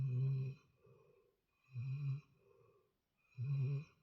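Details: Sleeping while snoring: regular, loud, low, rattling snores on each breath in, softer breath out between, about 36 breaths a minute.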